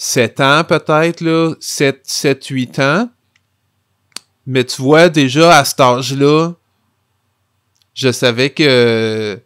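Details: Adult man who has stuttered since childhood and adolescence, speaking French; stuttering.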